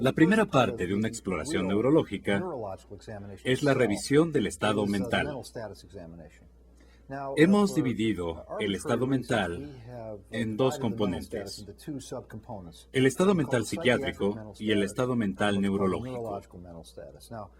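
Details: Adult male speaker; normal speech.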